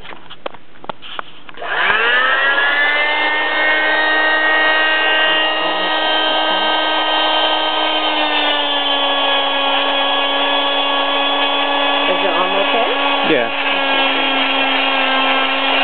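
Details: Arm cast removal 6 weeks after a right wrist fracture from snowboarding: loud steady high-pitched whine of an oscillating cast saw cutting the cast, slight pitch dips under load; cast then pried open.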